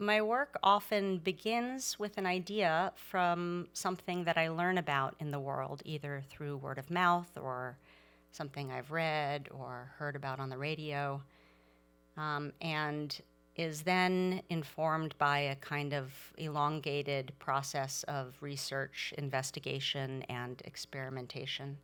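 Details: Adult woman; normal speech.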